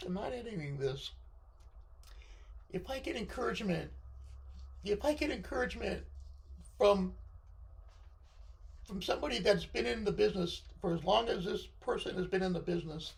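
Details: Unilateral left-sided vocal cord paralysis following surgery in a male speaker, limiting his control of his voice.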